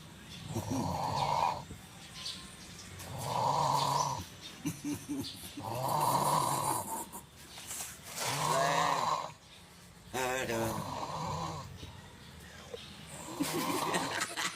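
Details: Person asleep after counting votes at a polling station until dawn, snoring: loud, rattling snores on each breath, about six in fifteen seconds, roughly 24 breaths a minute, faint room noise behind.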